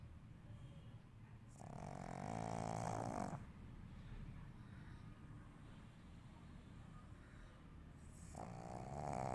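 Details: Black pug sleeping and snoring: two loud, rattling snoring breaths about six seconds apart, with quieter breathing between them.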